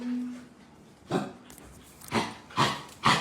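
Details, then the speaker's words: Dog with repeated harsh, hacking coughs, about four in three seconds, a persistent coughing fit as if something were caught in the throat; owner calls the cough abnormal, worse when excited or running. "Ano kayong problema nitong aso na to? Oh. Di normal yung ubo niya."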